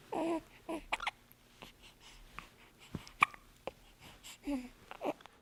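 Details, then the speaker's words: Newborn baby boy, about 10 days old, with hiccups: soft, short, abrupt catches of breath recurring at irregular intervals in a quiet room. "he's got hiccups hiccups are his main problem in life so he's having a pretty good life so far"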